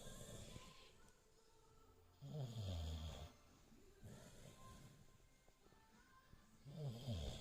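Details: Snoring.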